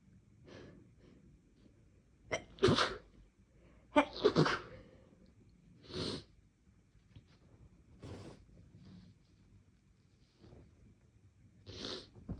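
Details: Two loud sneezes with sharp inhaled build-ups, then several softer sniffs and breaths; sneezes deliberately induced after a day of more sneezing than usual with no apparent cause.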